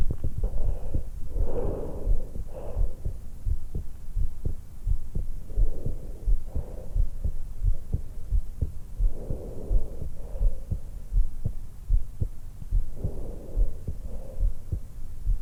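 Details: Resting heart and breath sounds from a 20-year-old woman recorded just after waking, lying supine in bed, stethoscope microphone at the suprasternal notch; steady heartbeat around 86/min with slow rhythmic breathing, normal heart sounds.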